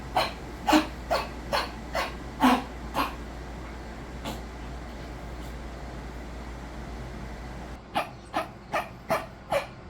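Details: Dog coughing from fluid in the lungs: two bursts of repeated harsh coughs, about eleven in all, with a pause between.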